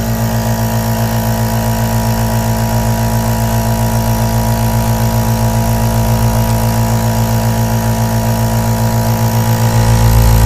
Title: ASMR AEROSOL NEBULIZER SOUNDS 💦 BEST 3D WHITE NOISE for Relaxation | Sleep | Meditation